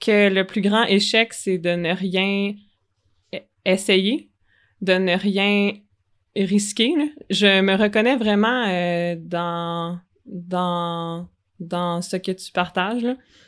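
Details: Adult woman who stutters, a speech-language pathology master's candidate speaking French, who says she stutters a lot during presentations; audible part-word repetitions; stuttering.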